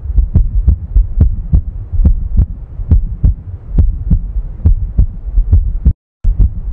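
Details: Low, regular thumping heartbeats at about 70 a minute, with a steady low rumble between beats.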